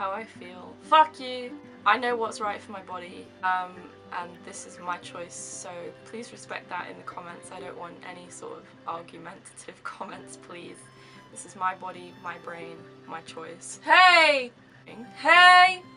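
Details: Young woman with severe Tourette syndrome, with involuntary movements and noises for seven years; medication for her tics was tried and she no longer wants it. Vocal tics: a 'hey!' and a bleeped tic during speech.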